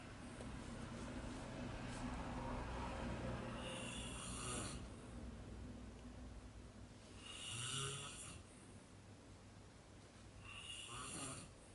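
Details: Snoring in a hostel: slow, regular rasping snores with each breath, about five per minute, over steady room hum; ordinary snoring.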